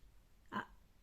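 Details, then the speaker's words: Polyhandicapped child with a gastrostomy, during a home change of the gastrostomy button: a single brief, wet, rough throat gurgle of secretions. "Tu gargouilles, chérie, je t'entends gargouiller."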